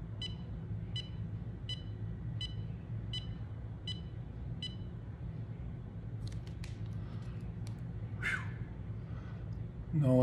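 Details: Handheld EMAY wireless ECG monitor recording for 30 seconds while the user stays quiet, fingers on the sensors: regular beeps at about 85 a minute that stop when the recording finishes, then faint room sounds.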